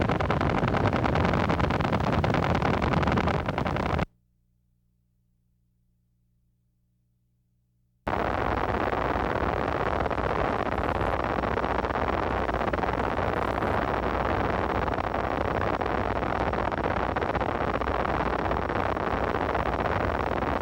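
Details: Needle EMG: small-amplitude short-duration motor unit potentials, a dense rasping scratchy crackle; hallmark of myopathy, also seen in myasthenia gravis, Lambert-Eaton and botulism.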